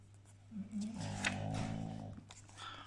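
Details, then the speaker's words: A large, sleeping bulldog-type dog snores in the background with a drawn-out, buzzing snore over a steady low room hum. "alors le deuxième chien que vous entendez ronfler derrière c'est magnifique"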